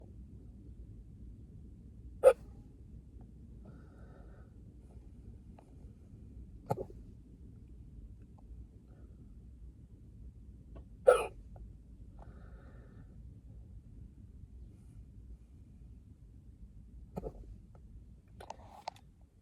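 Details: A person in a car after drinking a beer after work gives four brief, sharp, isolated hiccups at irregular intervals against quiet background noise; hiccups.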